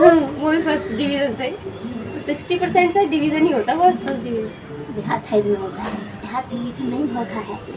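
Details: Adult speaker; ordinary speech.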